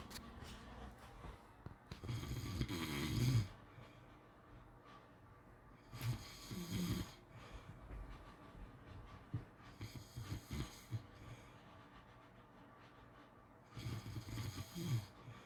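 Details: Snoring during sleep: low, rumbling snores with uneven spacing, roughly four breaths in fifteen seconds.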